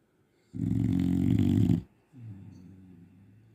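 A long, loud, rattling snore on the in-breath, then a softer breath out: dog snoring.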